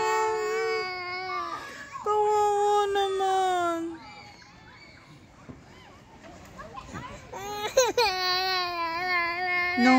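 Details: A baby cries in loud wailing bursts with a quieter pause, then starts crying again, with music in the background; ordinary infant cry.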